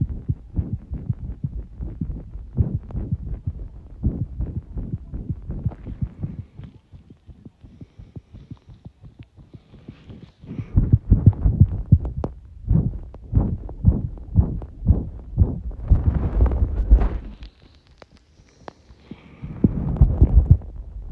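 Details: Heart sounds recorded under pressure: rapid, muffled low heart thumps at about 120 per minute, tachycardia.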